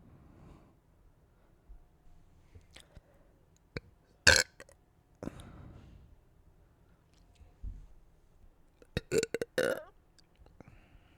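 Several loud, gassy burps with quiet gaps and faint small-room noise between them.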